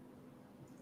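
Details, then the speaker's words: Imitated simple vocal tic demonstrated during a Tourette's syndrome talk: a single brief voiced noise after a short pause, described as a vocal tic because it is made through the respiratory tract as a sound. "that would be a vocal tip because it's actually although it's although you can see movement it's actually through the respiratory or or sound that's a sound"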